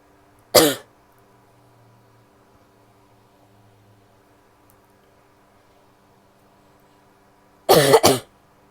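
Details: A female's single cough, then after a quiet pause a double cough; three short, dry coughs in all, in a quiet room.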